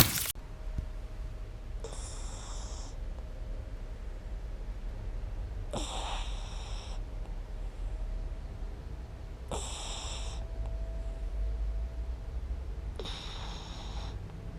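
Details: Young female puppy asleep in comfort, filmed with a GoPro: four short snuffling snores roughly every four seconds against low room hum; soft snoring.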